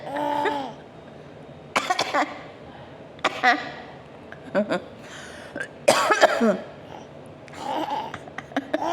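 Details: A few short cough bursts mixed with a small child's giggling, faint music in background; cough.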